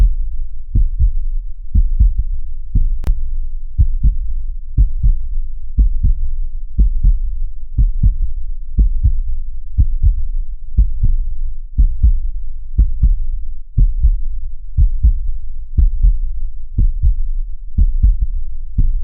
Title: Normal heart sound #health #viral #trending